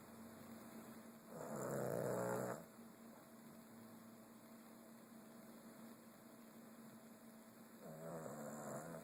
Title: Mochya's snoring